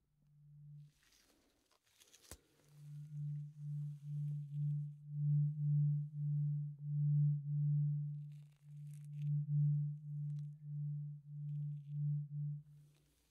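Low sustained tuning fork hum with a rapid pulsing waver, after brief handling sounds; an acted tuning fork hearing check.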